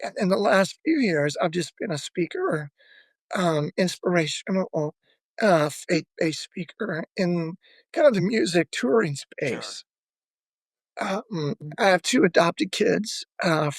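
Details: Adult male former lead vocalist who began losing his voice at the height of his singing career, with spasmodic dysphonia, the disorder audible in his speaking voice; spasmodic dysphonia.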